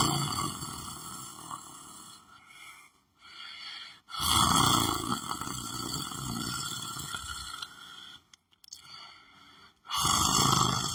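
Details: Loud, rough snoring breaths in bursts with short pauses, from a sleeping dog lying on the floor.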